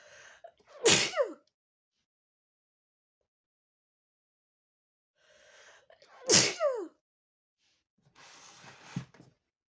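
Two forceful sneezes, each with a quick indrawn breath before the burst, then a softer breathy sound; plain sneezing.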